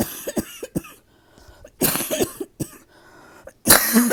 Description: I haven’t had an uninterrupted night’s sleep in days…still coughing so much! 😬